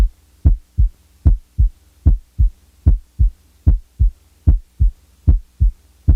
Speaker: listen now to a loud first sound followed by a softer second sound